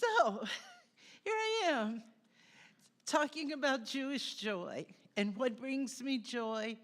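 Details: Spasmodic dysphonia in an adult woman, diagnosed by an ENT doctor, which she describes as stress-related and helped by singing; likened by others to a stroke voice.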